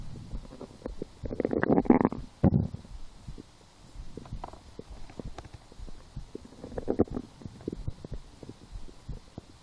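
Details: Bowel sounds (borborygmi) in a person lying down and hungry after skipping breakfast, a small lunch, then two doughnuts four hours later: frequent bubbling gurgles with louder rolling rumbles, stomach growling.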